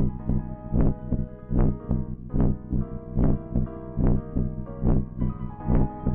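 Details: Mother's heartbeat recorded with a heartbeat-capture device and played under a soft lullaby: a steady, regular, normal rhythm at about 72 beats per minute.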